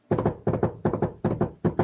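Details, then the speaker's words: A phone recording of a baby's fetal heartbeat the day before her birth: rapid, regular whooshing double thumps at about 155 beats a minute, fast and likened to a horse running: fetal heartbeat. "i have a recording on my phone of maddie's heartbeat before the day before she was born and it sounds like it sounds like this"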